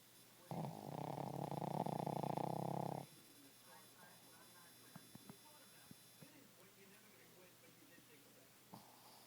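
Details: A 10 lb Boston Terrier snoring loudly: one long, buzzing, rattling snore lasting about two and a half seconds, then quiet breathing with faint clicks.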